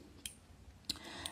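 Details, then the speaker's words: Insulin pump priming, controlled by a PDA, with insulin countdown taking longer than normal: three faint, sharp clicks over quiet room noise; pump clicking and beeping during priming, a normal device sound. "could y'all hear it beeping or like the clicking so this is priming and when it's priming"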